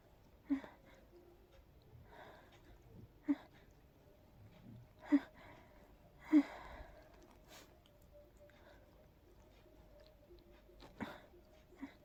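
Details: Several short, breathy, muffled stifled sneezes with soft sniffs between, from a sleepy person trying to fall asleep; allergy sneezing, probably triggered by pollen.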